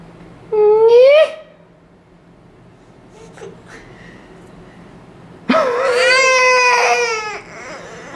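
Two rising wailing cries separated by a pause, clear and strongly voiced: an ordinary infant cry in response to a startling noise.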